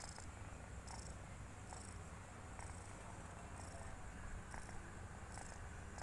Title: kitten snoring